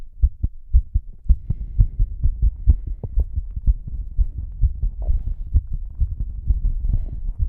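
Strong, regular low thumps of a pounding heartbeat, roughly 100 beats a minute, with some heavy breathing noise underneath.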